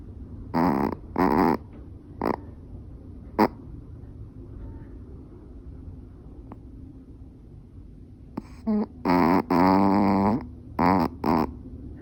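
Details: Rescued older female dog, probably a Chihuahua–Yorkie mix, age unknown, sleeping with eyes half open: irregular, intermittent bursts of rough, buzzy snorting breaths with quiet gaps; soft snoring.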